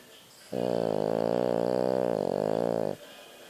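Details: A French Bulldog gives one long, buzzing, rattling snore on a single breath lasting over two seconds; dog snoring.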